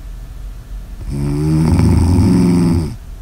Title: Snores Audio ASMR